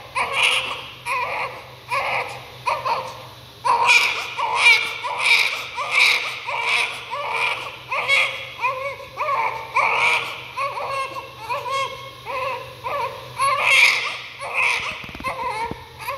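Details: A newborn's first cry after birth: loud, repeated, rhythmic wails, about 80 cries a minute, with a steady strong voice; vigorous newborn crying.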